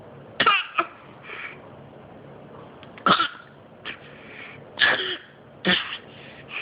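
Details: About five separate coughs, some in quick pairs, with quiet pauses between them in a small room.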